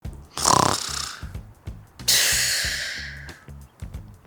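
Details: Two rough, noisy snoring breaths over a rhythmic music track; simulated snoring sound effect demonstrating the word "snore" for English vocabulary learning.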